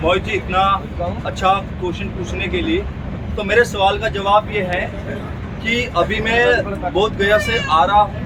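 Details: Adult man who says he stammers, speaking Hindi during speech practice on a train while returning from a stammering communication workshop; stuttering.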